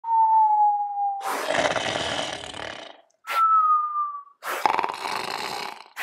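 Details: Stop-motion animation sound effect, not a real sleeper: cartoon-style snoring with two long rasping in-breaths, each followed by a whistling tone.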